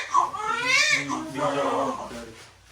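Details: Home birth: a newborn's short, strong, high-pitched wail right after delivery, a normal vigorous first cry.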